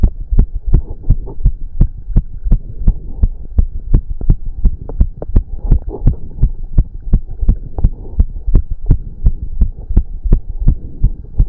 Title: Male's Racing Heartbeat During 30min Cardio Workout (Heavy Breathing)